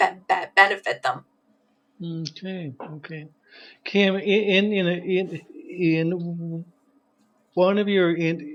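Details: Stuttering in an adult man who describes himself as a person who stutters.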